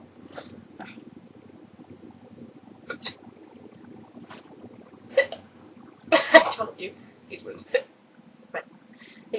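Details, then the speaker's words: Female who gave herself hiccups, which she says usually hurt and end in a burp: about six sharp, sudden vocal bursts over nine seconds, one louder and longer possibly ending in a burp; repeated hiccups. "Oh man, I gave my I gave myself hiccups. Oh well, may as well have fun with them while they Last."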